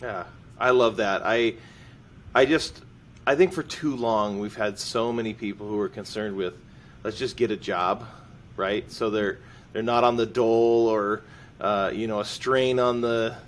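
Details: Adult man speaking; ordinary speech.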